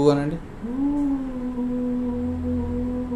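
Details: Patient sustaining the vowel 'oo' on request before voice therapy; puberphonia (high-pitched voice).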